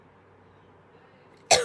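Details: A person with asthma in a quiet room: a single short, sharp cough bursts out near the end and is cut off.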